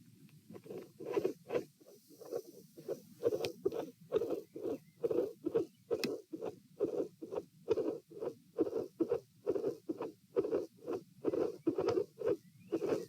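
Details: Stethoscope heart sounds at position P during a stress test, lying, sitting and standing, with dilated aortic root: irregular beat near 66–72 bpm with a midsystolic murmur and an intermittent extra sound near S2.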